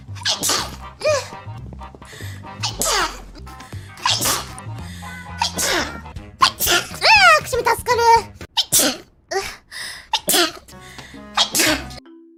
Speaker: くしゃみ助かる。くしゃみしちゃった。くしゃみ助かる。